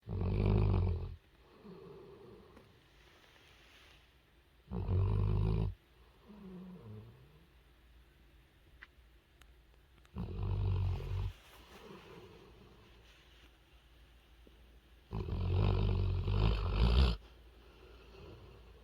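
Loud, rough inward snores about every five seconds, with softer snuffling exhalations between; snoring.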